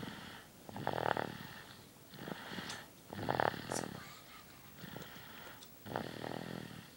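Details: Sleeping dog snoring: rhythmic rattling snores about one every two and a half seconds, with soft room noise.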